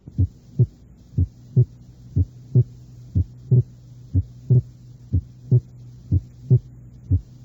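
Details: Regular heart sounds at about 60 beats a minute over a low steady hum, with paradoxical splitting of the second heart sound in left bundle branch block.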